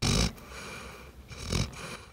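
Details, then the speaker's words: Two low, rumbling snorts and soft steady breathing from a sleeping dog snoring in a quiet library while a child reads to her. "so quiet you can hear Willa snoring as reads to her"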